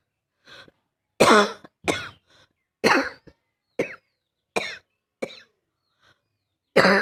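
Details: Female: about seven harsh, loud, barky coughs in separate bursts, quiet room behind them.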